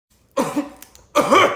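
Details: Toddler coughing with a mouth full of food: two short, wet, muffled, gurgly coughs; cough.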